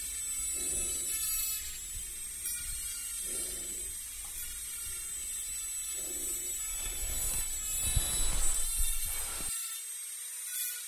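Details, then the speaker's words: Short buzzing, scraping bursts against a steady hiss imitating a dental cleaning tool on the front teeth in an ASMR dentist roleplay; simulated, not a real procedure. "I'm going to remove all the dirt that are between your teeth. First here, the teeth on the front."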